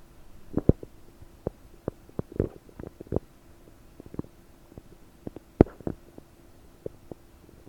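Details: Belly recorded with a desktop microphone about 9 hours after eating 30 prunes; bloated, with frequent bubbly gurgles and pops over a faint steady hum, i.e. loud, active borborygmi.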